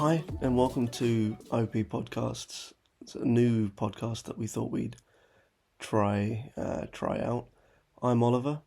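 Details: Adult man speaking; normal voice.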